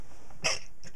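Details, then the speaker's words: Adult male sneeze: a single short, sharp burst of breath with a brief voiced catch, over faint room noise. "excuse me that's the funniest sneeze I've ever seen him my life dude I don't think I've ever seen you sneeze before"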